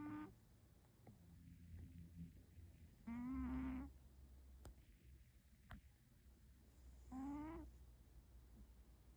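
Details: Snoring in a napping cat, tagged Maine coon: short, squeaky, whistling snores about every four seconds, roughly 15 a minute, over faint room noise.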